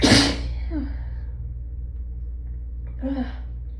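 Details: Hay fever sneezing, nose raw from rubbing: a forceful sneeze, then a pause and a hitching breath as another builds, over a steady background hum.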